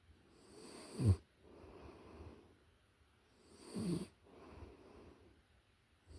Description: This ASMR track captures the close-up, authentic audio of a puppy in a deep sleep. The soft, rhythmic snores are a natural trigger designed to bring deep relaxation and a sense of calm.